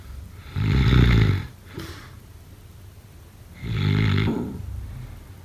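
Two loud, low rattling snores on inhalation with a quieter breath out between them, typical snoring.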